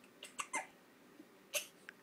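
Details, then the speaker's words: Baby with hiccups: four sharp, squeaky little jerks with gaps between them, interrupting crying. "oh say these stupid hiccups oh my you don't like those hiccups do you baby"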